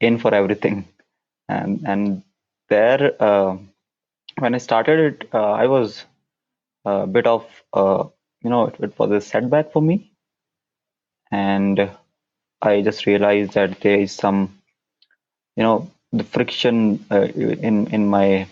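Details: Adult man who stammers, with onset around nine years old, speaking English; stuttering.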